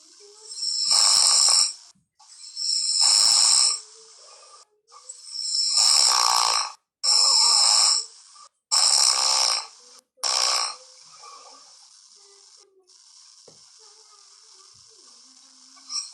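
Six harsh, hissy snoring noises during sleep, some fluttering, at irregular intervals, then quiet breathing.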